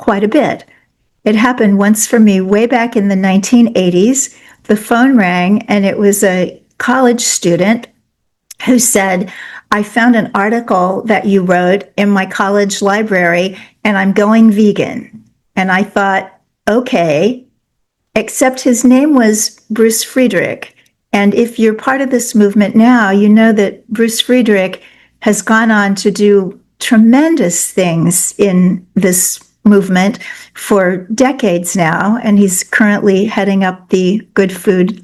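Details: Adult woman speaking; normal speech.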